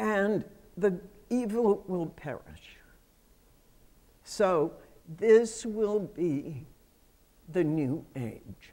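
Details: Adult female with self-reported spasmodic dysphonia, a voice condition that comes and goes; spasmodic dysphonia.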